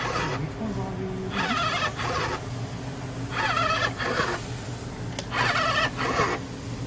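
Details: Homemade DIY COVID-19 emergency ventilator, no tidal flow or pressure control yet, cycling breaths: rhythmic whining mechanical bursts about every two seconds.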